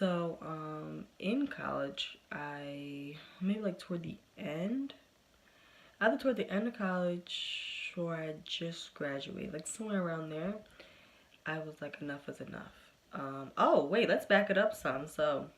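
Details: Developmental stuttering in an adult woman, present since early childhood and persisting into adulthood, with good and bad days.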